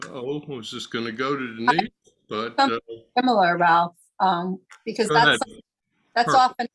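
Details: Adult man with aphasia after a stroke about 3 years earlier, slowly improving, attending six therapy lessons a week; aphasia.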